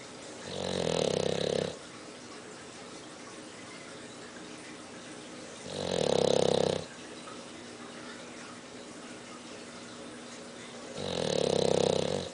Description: If you thought grandpa snored loudly, you haven't met.